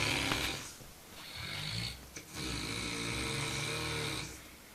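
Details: Roommate in very deep sleep snoring: loud, rattling breathing on both in-breath and out-breath with harsh, buzzing throat vibration.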